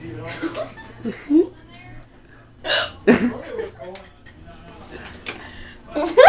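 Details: Adult mother with hiccups: abrupt, sharp voiced catches break into her talk and laughter over faint background music; hiccups.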